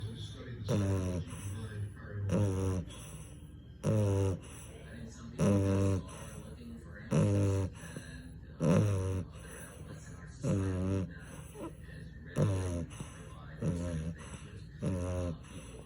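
Loud, regular snores, about 38 per minute, each a rough fluttering sound on the breath in, with quieter breathing between: snoring.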